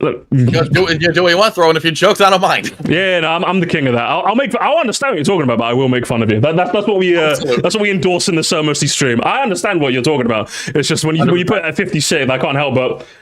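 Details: Adult man speaking; normal voice.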